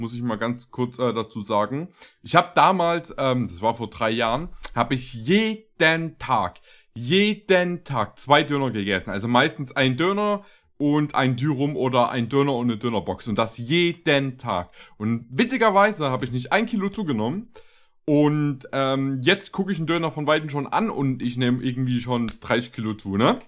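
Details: Adult male speaker; typical speech.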